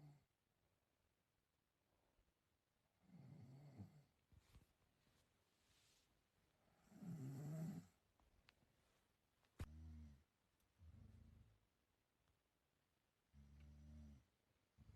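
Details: Person's sleep snoring: low, rattling snores in bursts every few seconds against a quiet room, with softer breaths between; ordinary snoring.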